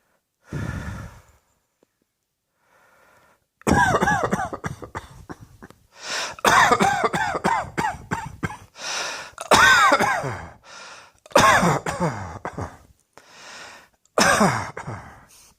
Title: Cross Dressing Coughing 116